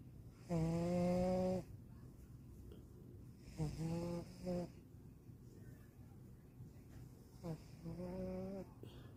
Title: kitty snores